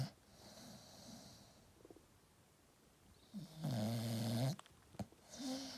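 Soft breathing, then a loud low droning snore lasting about a second, with quieter rough breaths around it; a sleeping dog snoring.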